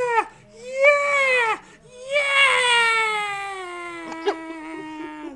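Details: Infant crying in loud, tonal wails in several long bursts with breaks for breath, ending in a lower whimper; the recording is about the infant's hiccups. Ordinary infant cry.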